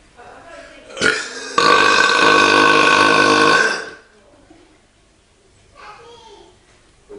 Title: Just having a Beer and a Belch with